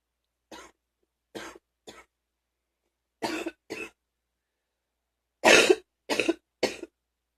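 Eight coughs in three bursts, growing louder, with a loose, phlegmy quality of a wet productive cough.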